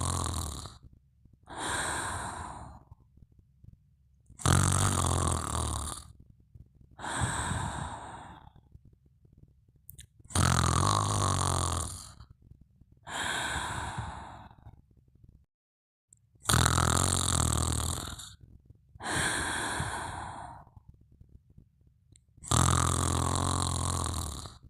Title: Mimi Sleeping & Snoring Part 2